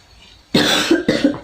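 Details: Staged nursing student demonstration of deep breathing and effective cough training with an adult female patient: two strong, deliberate voluntary cough bursts to clear sputum.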